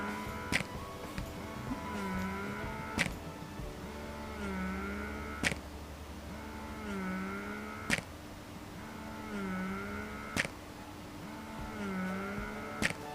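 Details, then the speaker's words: Spectra 9+ dual electric breast pump at level 10, its highest setting: soft motor hum with a rhythmic suction cycle and a sharp click about 24 times a minute. "Nah ini kalian bisa dengar suara dari si mesin dan si hisapannya ini"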